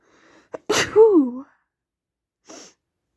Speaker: Gonna sneeze. Oh. Gonna sneeze again. Achoo. Achoo.